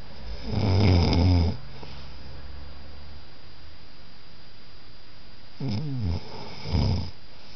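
Deep rattling snores on breathing in, three snoring breaths over about seven seconds, with steady room noise behind.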